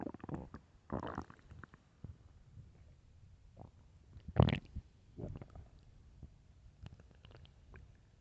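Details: Loud, irregular gurgling and rumbling bursts from the belly of a hungry person; hunger stomach growling, borborygmi.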